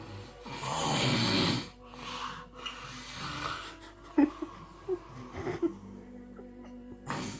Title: Horrible Snores 😱😱